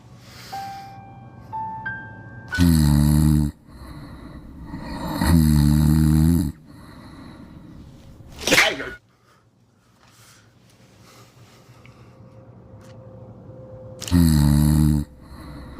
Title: stop snoring so loud